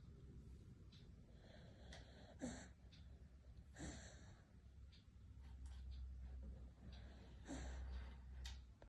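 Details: Beagle napping, snoring.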